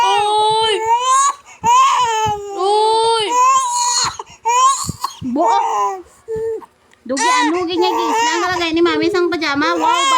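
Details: A baby cries in a small room: loud, tuneful wailing in repeated bursts with brief breath pauses, an ordinary infant cry.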